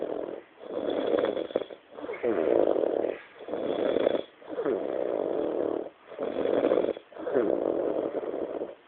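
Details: A friend snoring after a Christmas night out: loud, rough, rattling snores in repeated bursts about every one and a half seconds, with brief quiet gaps; heavy snoring.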